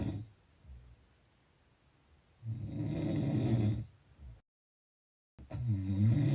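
Low, rough, rattling breathing noise during sleep with a pause between efforts; snoring.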